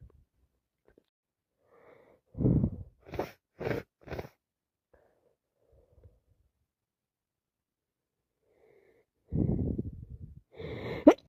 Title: Day 1 of cold , sneezing and blowing my nose #achoo #commoncold #cold #sno